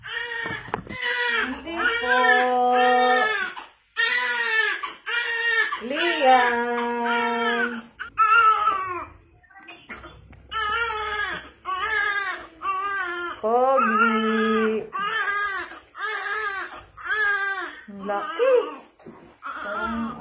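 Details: Newborn crying just after a normal spontaneous vaginal delivery in hospital with midwife-led support: strong, repeated crying bursts with brief breaths between them, a vigorous normal newborn cry.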